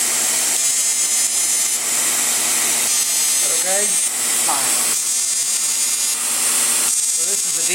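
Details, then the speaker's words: Woman, repeat total FX CO2 laser facial resurfacing after numbing, Deep FX mode on the nose for deeper collagen tightening: steady high buzzing hiss in bursts with brief soft speech; fractional CO2 laser firing. "FX which is the first half of the total FX CO2 for deeper collagen tightening."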